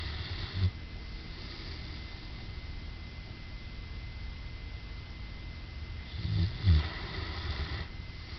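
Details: Dog, a really loud snorer, recorded soon after falling asleep: low rumbling snores and soft snorts over steady background noise; snoring.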